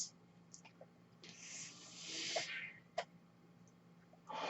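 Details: Real recording of a podcast host's own mechanical ventilator: a single hissing whoosh of air rises and fades, with soft valve clicks and a low steady hum, one breath cycle. Mechanical ventilator breath sounds.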